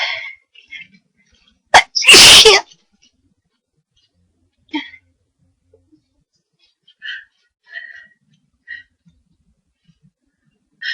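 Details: Person with a nose tickling all day, deliberately inducing a sneeze and thinking they have caught a cold: a sharp quick intake, then one loud high-pitched sneeze, followed by faint sniffs and breaths.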